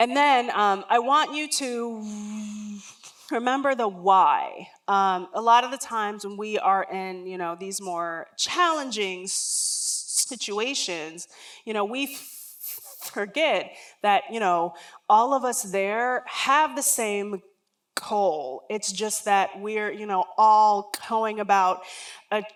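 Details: Real lifelong stuttering in an adult woman who says words and phrases don't come out as quickly as she would like.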